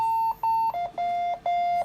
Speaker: when ventilation begins you can see alarm alerts on the main screen